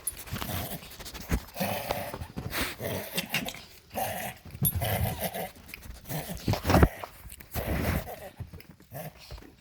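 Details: Dog coughing: a series of short, harsh coughing bursts separated by brief pauses.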